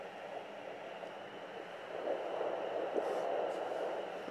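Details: Fetal heartbeat at 11 weeks on Doppler: fast, rhythmic whooshing pulses through hiss at about 165–170 beats a minute.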